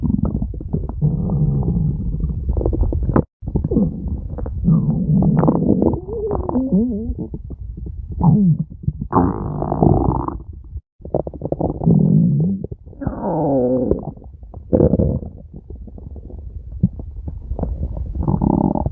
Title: stomach growling (hololive)